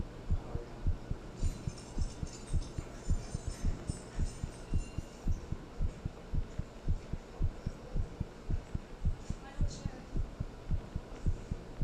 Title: Heartbeat Sound | “Thinking About You” | Black screen version